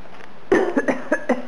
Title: Coughing is funny! :-)